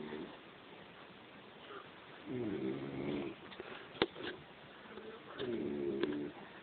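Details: Drunk man passed out asleep and snoring: two drawn-out, buzzing, fluttering snores about three seconds apart, with quiet breathing between.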